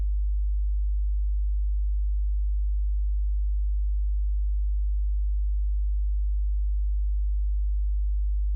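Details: Home hearing self-test covering tones from 50 Hz to 8000 Hz: a steady, very low pure hum without change from the low-frequency end of the test.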